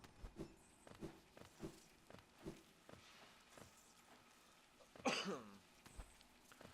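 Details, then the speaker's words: Podcast participant coughing; one short, sharp cough, first mistaken for a sneeze, against faint room noise and scattered tapping. "I don't think that was a Was that a sneeze? That sounded like a cough. sneeze. That sounded like a cough. That was a cough."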